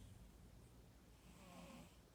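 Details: Sleeping cat snoring: quiet, low rumbling breath noise with a faint fluttering quality in a still room.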